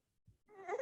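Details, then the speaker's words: Young infant's hunger cry in Dunstan Baby Language: a nasal 'neh' sound rising into a cry, signalling 'I'm really hungry'. "you can definitely hear that n yeah yeah I can you can definitely hear that yeah and in that last one the baby's reaching that crying sound where they're saying I'm really hungry"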